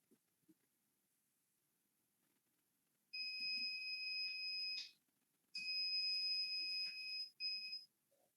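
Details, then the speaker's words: Three high-pitched electronic beeps, two long and one short, as a NESCO Vista ventilator is switched on with its on/off button during ventilator training; normal power-on tone. "The first button is on off button. To turn on the machine."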